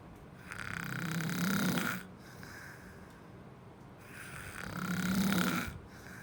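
Two loud, rough, rattling snores on breathing in, each about a second and a half, with quiet breathing out between them. Typical snoring.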